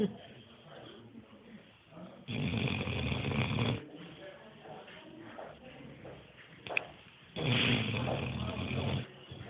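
Two loud, coarse snoring breaths separated by quieter breathing; a dog snoring in sleep.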